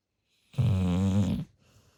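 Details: Large retriever dog asleep: a single loud, low, rattling snore lasting about a second, then quiet breathing; snoring.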